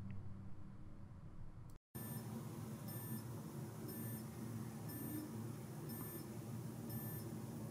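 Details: CheckMe BP2 Connect home blood pressure/ECG monitor in ECG mode during an adult's self-recording: faint high beeps about once a second over steady room hum; result regular ECG, heart rate 73.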